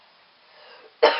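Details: Child who had just woken at 4 PM gives a single abrupt cough after a faint hiss.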